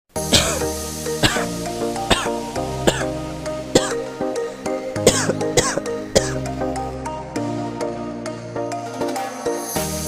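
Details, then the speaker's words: Acted demonstration of incorrect cough or sneeze etiquette with the mouth and nose left uncovered: a series of short, sharp coughs and throat clearing over steady background music. "Berikut contoh batuk atau bersin yang salah. Batuk atau bersin tidak ditutup."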